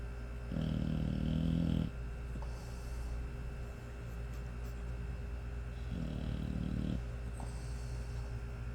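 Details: Five-month-old American Bully puppy snoring in sleep: low, rattling snores about every five seconds over steady room hum.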